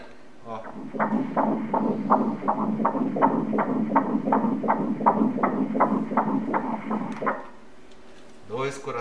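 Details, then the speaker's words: A 9-week pregnancy on 4D ultrasound with Doppler gives rapid, regular whooshing pulses at about 160 a minute, the baby's heartbeat heard right after the mother's: a normal early fetal heartbeat. "le cœur de la mère, vous avez entendu le cœur de la mère maintenant c'est le cœur du bébé, maintenant..."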